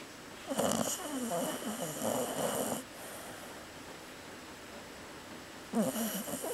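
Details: Female Chow Chow dog sleeping and snoring lightly: soft rattling snores, two breaths a few seconds apart with a quiet pause, reportedly louder as footsteps and talking approach.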